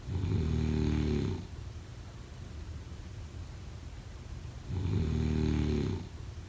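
Two loud, low, fluttering snores on breathing in, about 13 breaths a minute, with quiet breathing out between them in a quiet room.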